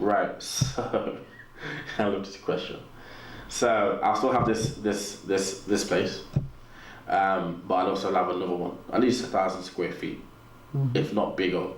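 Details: Adult man with a natural stutter, audible in his speech, which he has learned to work with; stuttering.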